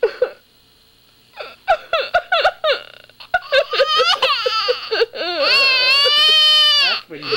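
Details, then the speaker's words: Infant girl crying, set off when her mother pretended to cry: short fussy vocal bursts build into a sustained, high-pitched wail; an ordinary baby cry. "she pulled my hair last night and I cried and it made her cry she's so sensitive"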